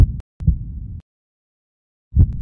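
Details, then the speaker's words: Simulated heartbeat in an arrhythmia explainer: low thuds with a long silent gap between beats, an abnormally slow rate, illustrating bradycardia. "an arhythmia can be an abnormally slow"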